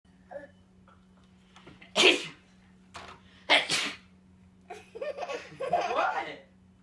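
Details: A baby sneezes, then laughs: two sharp sneezes followed by babbling and giggles; sneezing.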